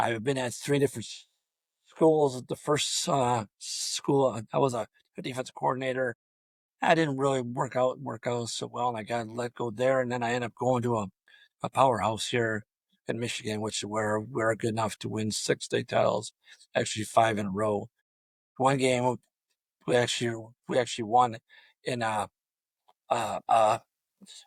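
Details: Adult male high school football coach with long-standing stuttering throughout a coaching career of over 34 years; he reports his own blocks fall on the letter D; stuttering.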